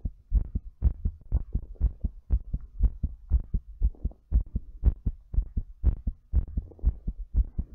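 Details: Strong, regular, thumping heartbeat at about 120 beats a minute, recorded during breathplay; fast heartbeat.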